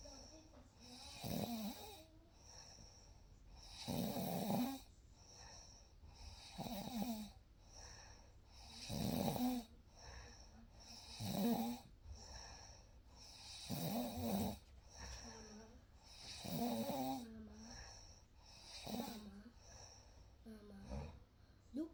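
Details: Real night recording of a sleeping baby: soft, rumbling snores at about 12 breaths a minute in a quiet room; ordinary gentle snoring.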